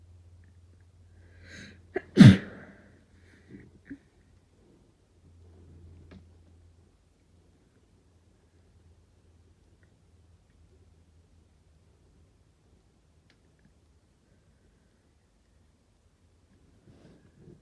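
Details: Spontaneous, uninduced sneeze during a cold, too strong to stifle: a quick inhale, then one loud, explosive sneeze and a few soft breaths afterward.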